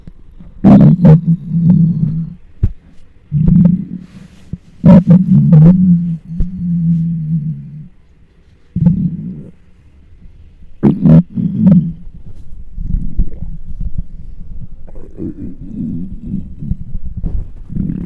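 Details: Hunger stomach noises recorded with a microphone on the belly of a very large person: loud, deep gurgling and growling rumbles in bursts, some drawn out; active borborygmi.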